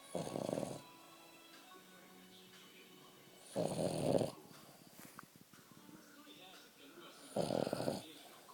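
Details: Sleeping dog snoring: three loud, rough snores about four seconds apart, with quiet room noise between.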